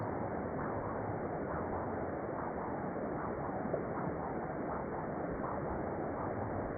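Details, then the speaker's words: Transcranial Doppler bubble study: pulsing, whooshing cerebral flow with brief sharp chirps (deflections) standing out above it, microembolic signals (HITS) from a right-to-left shunt. "I'm going to play it again just so that you can see and hear the deflections. It makes it really really obvious for the interpreter."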